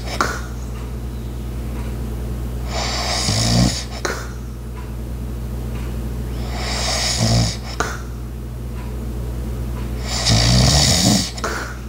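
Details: Light, soft snoring with a steady breathing rhythm, about four snores, over constant low household hum such as an ice maker and clock; snoring.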